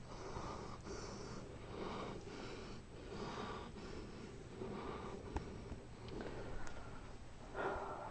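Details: Sick cat with a fever, vet suspects brain tumor: quiet, noisy, irregular breaths with snorting, sniffing quality, about 42 a minute, very labored puffing while lying still, drooling, with eye twitching and trouble controlling motor functions; labored breathing.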